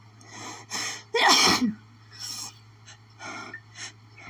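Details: Desperate, itchy sneezing fit from pollen, strong enough to cause doubling over: a quick run of sharp breaths and one loud explosive sneeze, then several smaller sniffs and sneezes.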